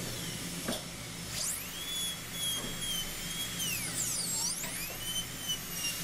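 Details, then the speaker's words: High-pitched dental handpiece whine, dropping in pitch as it slows under load and rising again, over room hum, while refining a gold inlay preparation (#3 MO, Tucker technique) with a bur. "so you could hear the hampi slow down in certain areas while we were doing this refinement and I think that's very important to do to control the handpiece and the burr"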